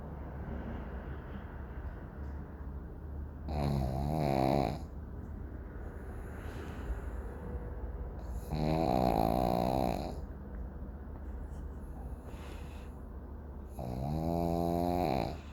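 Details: Sleeping pug dog with three loud, buzzing, rattling snores spaced about five seconds apart over steady background hum: snoring.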